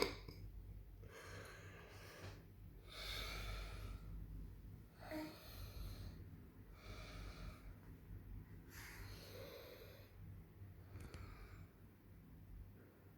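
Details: Heavy, rough snoring on each breath in from an adult man (father), about five cycles a minute, with a quiet room behind; loud snoring.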